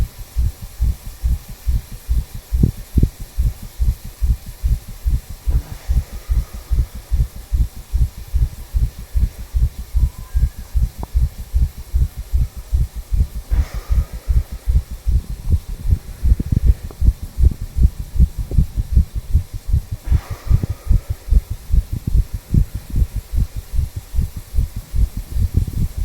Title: Visible HeartBeat Recording of a 34 Year Old Male, Listening To The Tricuspid Valve Area.